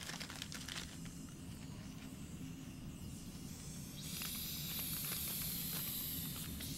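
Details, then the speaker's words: Suction machine switched on and set to medium vacuum before oral-pharyngeal suctioning in a nursing demonstration: steady low motor rumble with hissing airflow, then louder sucking hiss as the catheter draws up sterile water or saline to test it. "second turn on the suction equipment and set the vacuum to a medium level or at the level designated by the physician's order or agency policy"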